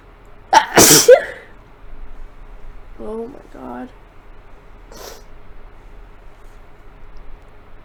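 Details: Sneezing from a common cold, sick since Thursday, several messy fits combined: a forceful sneeze with sharp intake and explosive release, then quieter sniffs and vocal sounds over computer-fan hum.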